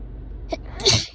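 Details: Deliberately induced sneeze: a short intake followed by one sharp, hissing burst of air; a single sneeze.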